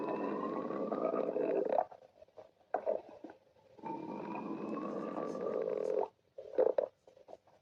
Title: Sticks the badger stomach growling 11